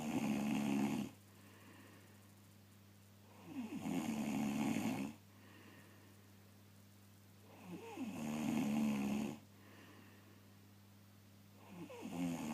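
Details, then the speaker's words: Adult man who claims he doesn't snore: loud, buzzing snores on the in-breath about every four seconds, roughly 15 breaths a minute, over a steady low hum; quite audible snoring. "I think you'll agree that that was quite audible."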